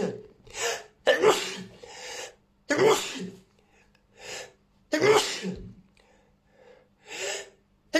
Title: New Chhinkni Sneezes